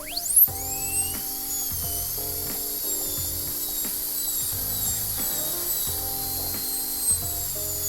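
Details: High-speed dental drill dropping the margin to reduce a heavy chamfer on an anterior PFM crown preparation, burr end at the margin; steady high-pitched whine with intermittent low rattling contact sounds.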